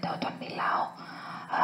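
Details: Woman with injury to one vocal fold after a second polyp removal surgery, plus significant psychogenic voice strain; the finding is aphonia with whispered voice.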